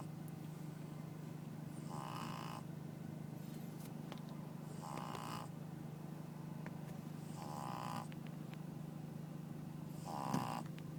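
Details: Sleeping pug snoring: four rough, noisy breaths about every 2.7 seconds, about 22 a minute, over a steady low hum.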